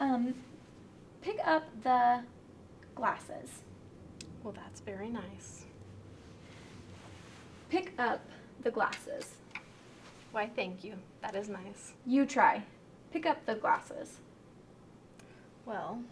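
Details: Severe transcortical sensory aphasia, demonstrated in a picture description: fluent connected speech with relatively intact sentence structure but lacking meaning, mixing real words, made-up words, mixed-up sounds and unrelated words.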